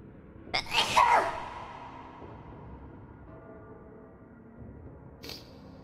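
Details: A single loud, sharp sneeze, an explosive burst of air through the nose and mouth, from a streamer while playing a video game, followed by quiet room noise; sneeze.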